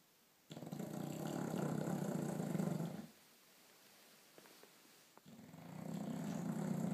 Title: Thor snoring